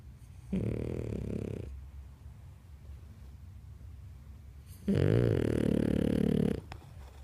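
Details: Dog snoring in sleep: two long, low, rumbling snores with a quiet pause between them over a steady room hum.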